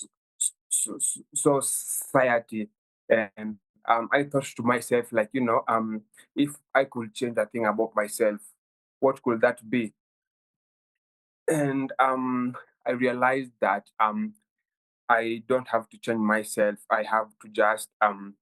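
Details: 23-year-old Kenyan man who has stammered since childhood, worsening at university; stuttering.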